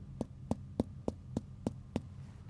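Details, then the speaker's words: Abdominal exam, percussing all nine regions: seven evenly spaced hollow taps, each with a resonant ringing note, the expected normal resonant abdominal percussion. "traditionally we percuss all nine areas leaving any tender ones until last and paying particular attention to any masses you may have felt I would expect all regions to be resonant like"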